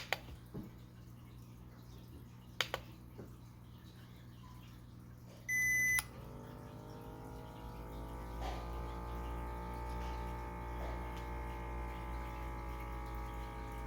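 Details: Start beep, then a steady motor whine rising in pitch as an automatic upper-arm blood pressure cuff inflates on a seated adult's left arm, aligned over the brachial artery; the reading was 148/92.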